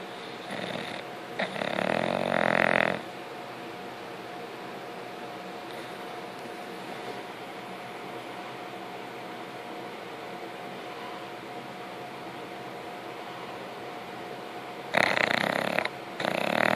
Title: yes...bulldogs snore